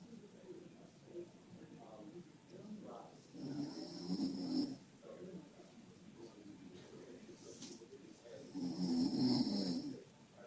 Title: Man snores and falls asleep at the Dentist